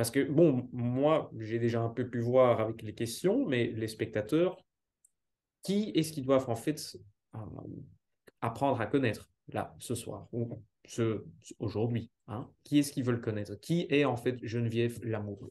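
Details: Adult man, interviewer; ordinary speech.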